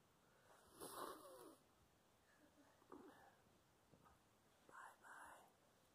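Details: Woman who has been sick with laryngitis, voice completely gone after coughing irritated her throat; faint whispered or voiceless attempts at speech: aphonia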